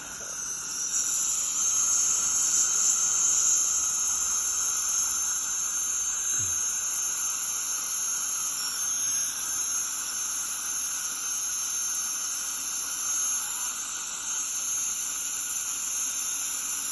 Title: Deep Dental Scaling